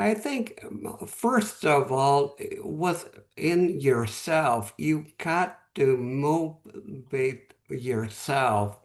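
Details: Real adult male with aphasia after a stroke 11 months earlier; at first he could say only one word, and after three or four months he could speak a little; aphasia.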